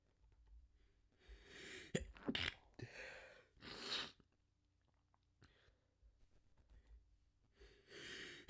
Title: More Stifles and Desperate Sneezes